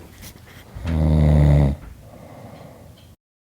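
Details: Adult man at about 8,000 ft near Estes Park, Colorado, possibly affected by altitude after little time to acclimate, gives one loud, low, rattling snore lasting about a second, with quieter breathing around it in a small quiet room.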